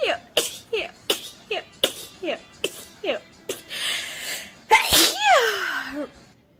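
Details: Girl sneezing rapidly: about nine quick sneezes in succession, then a longer sneeze with a vocal trailing sound; faint music in background.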